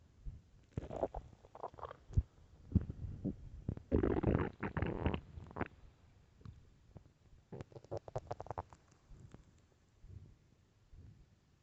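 Loud gurgling and rumbling bowel sounds in irregular bursts, a long growl in the middle; stomach growling, normal on an empty stomach.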